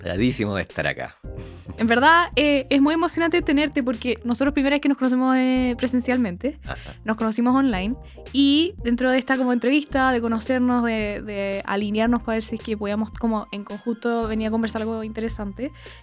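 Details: Adult speaker, likely female, podcast host; ordinary fluent speech.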